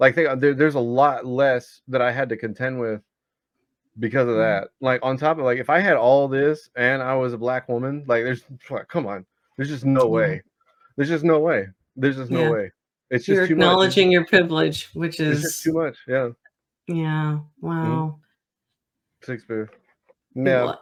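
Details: 34-year-old man with Tourette's disorder whose recurring involuntary vocal tic is the word "Shakespeare", in a podcast interview; vocal tic (Tourette's disorder).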